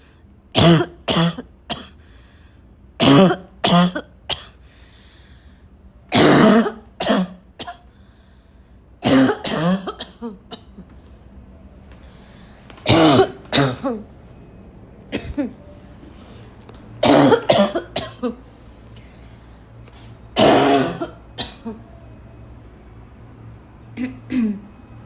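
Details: An adult says an intense barking cough has come back; repeated bouts of harsh, forceful coughing are mixed with throat clearing.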